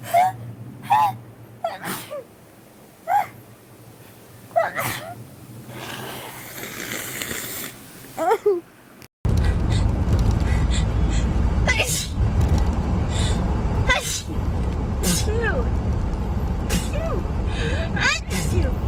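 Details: Girls sneezing rapidly: a series of quick, sharp sneezes in rapid succession, some with gasping in-breaths, then louder background noise; repeated sneezing.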